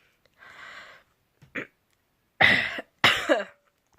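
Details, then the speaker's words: Adult who has been very ill for several days, still coughing and wanting to sneeze: a breathy throat sound, a brief catch, then two sharp explosive coughs in a quiet room, cough during illness. "I know shipped and I still have a cough like I'm just dying to sneeze so I know that I'm ill just great"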